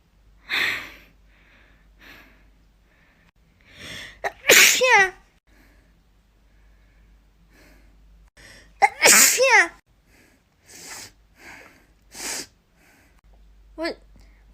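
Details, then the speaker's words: Young Asian woman sneezing around 3 a.m.: a run of several loud, forceful sneezes with short pauses and brief vocal sounds between them. "想说啥来着？我还想打喷嚏。现在是半夜3点吧，可能是哪个小可爱笑我小的睡不着觉吧。"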